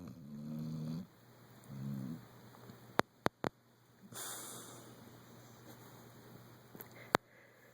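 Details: Pit bull dog: two low, rattling snores on breaths about two seconds apart, then a long airy exhalation, with a few sharp clicks in a quiet room; snoring.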